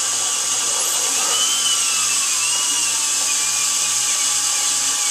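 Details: Steady high-pitched dental drill whine running continuously, with faint background room noise, while a small spot of decay is removed during a bonded white filling done without needles.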